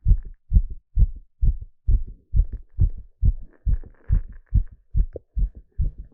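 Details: Heartbeat sound recorded live during an ECG exercise stress test: regular, clear paired beats at about 130 beats a minute; normal heart sounds speeding up under exercise.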